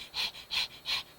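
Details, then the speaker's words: Panting of an infant who is too hot, with visible heat rash: three quick, breathy 'h' panting sounds in about one second, rapid breathing. "소리 그죠 아까 헐떡거리면서 h 발음이 있다고 했는데 얘는 확실히 h 발음이 있죠"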